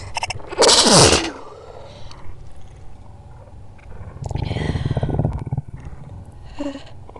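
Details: Slowed-down sneezes with build-ups: a loud burst, then a drawn-out build-up and a second burst, pitch deepened by the slowing; ordinary sneezing; any stomach growling is an added sound effect.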